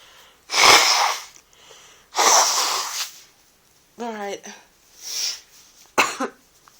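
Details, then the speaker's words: Adult sick in bed with an oncoming cold, feeling watery. Three loud explosive sneezes with a brief voiced sound between them, in a quiet room. Repeated sneezing with a cold. "anyway I thought for your enjoyment I would get some sneezes out so let's see"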